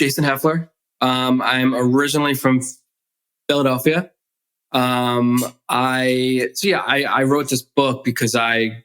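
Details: Adult male author and DJ who grew up with a stutter, with the stutter still present as an adult: stuttering.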